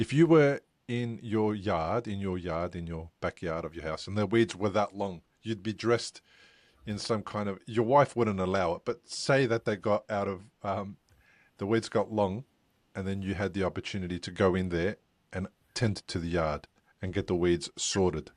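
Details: Adult male speaker; ordinary speech.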